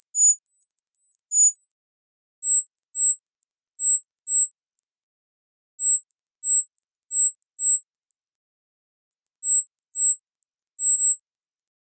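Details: Acoustic coordinated reset (CR) neuromodulation tinnitus-therapy tone sequences: very high-pitched pure beeps in shuffled quick runs separated by short silences, sampled from 1000–10,000 Hz at 1000 Hz intervals, 10 seconds each.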